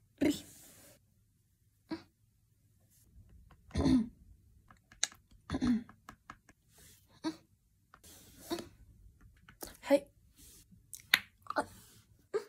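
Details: Person with Tourette syndrome painting, with coughing, throat clearing and snapping sounds; vocal tics.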